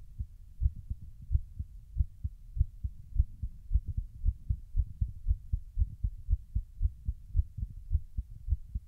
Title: Heartbeat ( Mitral )